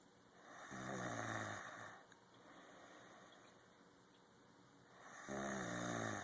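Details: Person snoring during sleep: two deep, vibrating snores with a softer airy exhale between, roughly four seconds apart; ordinary snoring.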